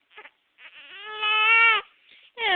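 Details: Baby crying from hiccups: short whimpers building into a long, rising wail, then another cry starting.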